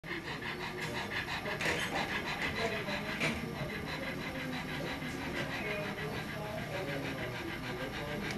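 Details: Dog at the vet, diagnosed with kennel cough, pants rapidly and steadily at about three breaths a second after coughing for over 5 minutes during and after an X-ray.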